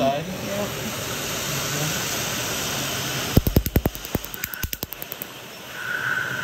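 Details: Steady rushing air from a cooling blower, then a run of sharp snapping clicks from laser pulses at the highest setting, during a 7th lettering and 3rd palm tattoo removal session; laser tattoo removal pulses with cooling air.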